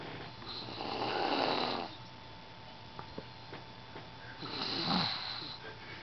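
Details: Two breathy, rasping snores about a second long, separated by a quiet pause, over steady room noise with a faint hum, recorded at night in the dark; snoring.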